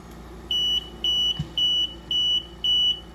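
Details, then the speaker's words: Invacare oxygen concentrator with flow knob turned all the way down, flow ball at the very bottom: fast repeating high-pitched beeps over steady machine hum, the low-flow alarm; status light may still show green. "You'll notice the ball is at the very bottom here. And we should hear an alarm start up anytime now."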